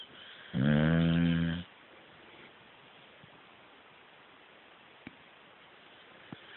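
One loud, low, buzzing snore on the in-breath, then quiet breathing with faint clicks; ordinary snoring.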